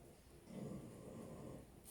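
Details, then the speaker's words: Pet dog Lilo snoring in the background of a quiet room: low, rough, rattling breath noise. "Tu l'entends ronfler derrière encore."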